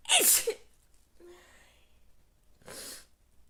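One sharp explosive sneeze, then a quieter breath and a softer second sneeze; allergic sneezing.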